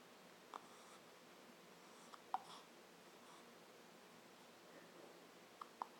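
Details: Child with hiccups: several brief, sharp, quiet hiccup sounds spaced irregularly over a few seconds in a quiet room.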